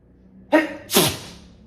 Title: sneezes